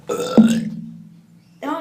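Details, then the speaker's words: A single loud, low, drawn-out burp that trails off, with a brief voice at the end, during a burping competition; someone says they burped up chicken burger and that it hurt; burping. "Okay, burping competition. Nailed it. You can do like 7. Wait. Oh my goodness. I just burped up chicken burger."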